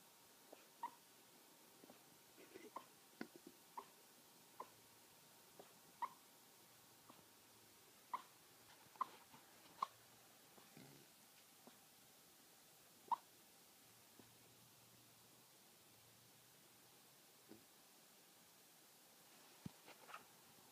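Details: Sleeping female Maltese dog: faint, irregular soft whimpers, squeaks and huffs in a quiet room; harmless normal sleep vocalizations.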